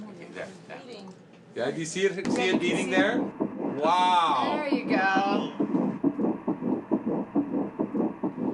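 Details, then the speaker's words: Early-pregnancy surrogacy ultrasound with yolk sac visible, fetal measurements on track: Doppler whooshing settles into rapid, regular fetal heartbeat near 136 a minute. "amazing so we can actually hear the heart beating"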